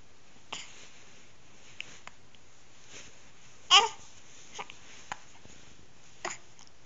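Quiet room with several brief, soft, abrupt catches of voice at uneven spacing, about five in seven seconds: hiccups.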